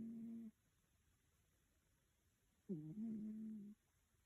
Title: snoring cat